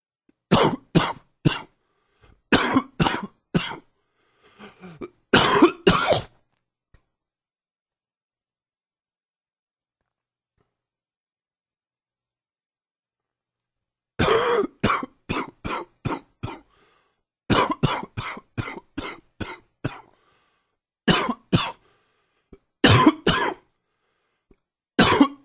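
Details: Repeated runs of short, sharp coughs from an adult with a cold, separated by pauses: a coughing fit as the cold is clearing.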